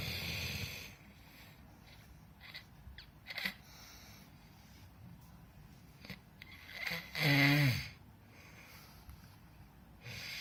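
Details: Sleeper snoring: breathy, noisy breaths with long quiet gaps and one louder tonal, rattling snore in the middle.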